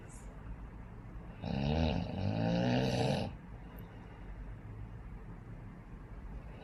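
A single loud, rattling snore of about two seconds against quiet room noise: snoring.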